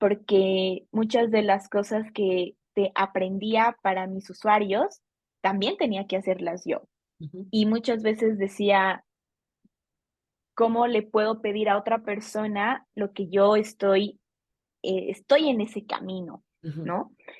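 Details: Adult female Bolivian speech therapist, speaking Spanish, who has stuttered since age 4; stuttering.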